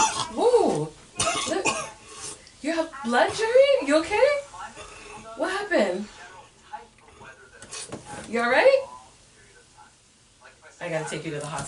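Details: Staged coughing and retching from a son faking coughing up blood as a prank on his mother, mixed with an adult voice; faked cough.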